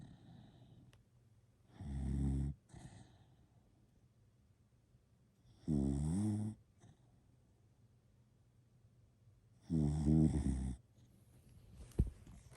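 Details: Regular low, buzzing snores about 15 a minute, separated by quiet pauses in a still room: snoring.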